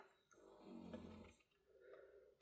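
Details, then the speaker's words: A gentle snore from a pet dog sleeping beside the speaker in a small room, rising softly on one breath and quieter on the next. "Can you hear Rosie snoring at the side of me? It's a gentle little snore,"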